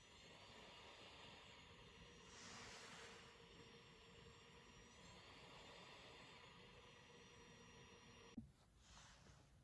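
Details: Steady airflow roar and hiss with a faint motor whine and a brief beep-like click near the end from a travel CPAP machine; ordinary CPAP machine noise.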